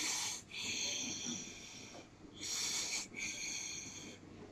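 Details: Imitated expiratory wheeze over two breath cycles: a long, high-pitched musical whistle on a prolonged breath out. A prolonged expiratory phase with wheeze or rhonchi indicates asthma or chronic obstructive airway disease.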